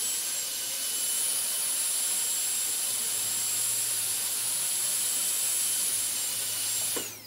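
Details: Steady high-pitched whine of a dental drill that winds down at the end as it switches off; an ASMR dentist-drill on-and-off sound recording.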